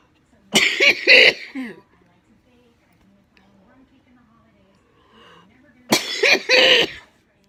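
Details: Cystic fibrosis patient in week two of IV antibiotics and on day 1 of steroids for chest tightness: two bursts of three harsh, rapid coughs separated by quiet breathing: cystic fibrosis cough.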